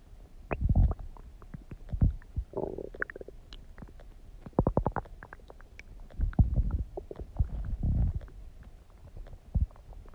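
Low gurgling and rumbling with irregular bubbling pops from the stomach, ordinary bowel sounds.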